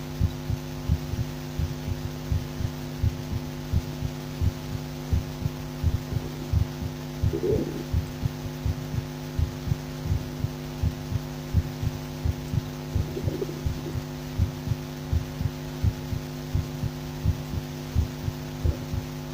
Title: Heartbeat auscultation